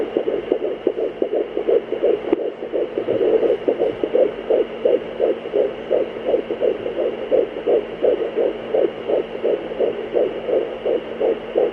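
Fast, regular whooshing galloping pulses of a fetal heartbeat on Doppler, roughly 150 beats a minute, normal.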